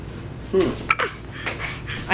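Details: Baby lying on an adult, playing and babbling with laughter, hiccupping and also fake coughing: short, sharp catch-like hiccup sounds amid laughing babble.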